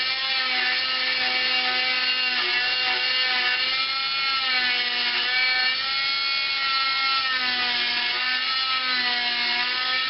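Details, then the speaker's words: Cast saw on high setting cutting through a long arm cast with quick in-and-out motions end to end, turning at the elbow: steady high-pitched mechanical whine rising and falling as the blade cuts. "turn the cast saw onto the high setting make quick in-and-out motions from end to end of the cast turning at the elbow watch and listen for the cutting of this"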